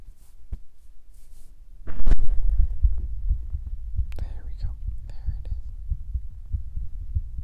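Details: Own heartbeat recorded for ASMR: steady, regular low thumping at roughly 65–70 beats a minute, some rustling at start; described as beating faster than before recording; normal heartbeat.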